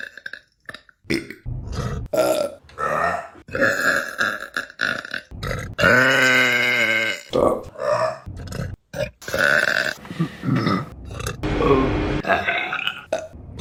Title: Burping Compilation April 2023 #1 | RBC